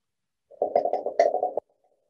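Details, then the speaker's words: Normal bowel sounds auscultated on an abdominal simulator mannequin, played through a speaker: a single gurgling burst of about one second, absent when the stethoscope is lifted off. "as you can hear the vowel sounds i take it off the sounds don't work if i come back down the sounds and as you know you have to listen for a while for the vowel sounds to originate"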